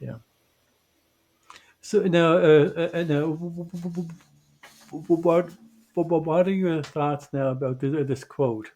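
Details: Adult male who identifies as a person who stutters; stuttering.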